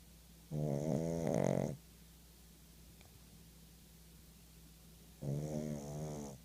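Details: Pug, very tired, snoring: two loud, buzzing, rattly snores about five seconds apart with quiet between; short-nosed dog snoring.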